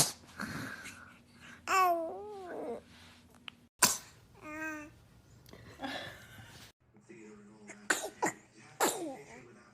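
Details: Baby sneezing: several small, sharp sneezes mixed with short babbling squeals, with adult laughter in the background.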